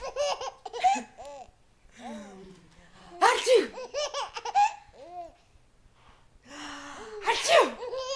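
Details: Two loud, explosive ordinary sneezes, each followed by an infant's bursts of laughter; sneezing.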